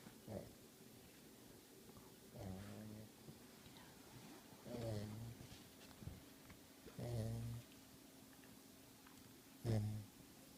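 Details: Dog sleeping with her eyes open and snoring: soft, low snores every two to three seconds, about 24 a minute, in a quiet room.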